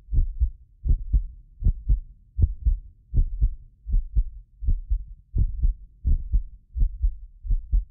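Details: Steady paired lub-dub thumps at about 80 beats a minute over a faint low hum, recorded with a precision contact microphone from a medically fit adult: normal heartbeat.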